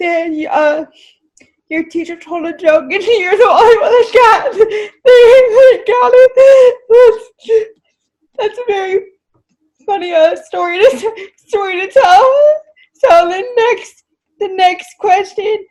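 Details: Speech of a woman with cerebral palsy who uses a wheelchair; no specific speech disorder is named.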